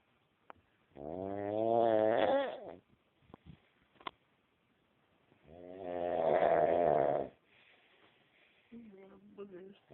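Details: Two long, drawn-out rattling snores several seconds apart in a quiet room; snoring.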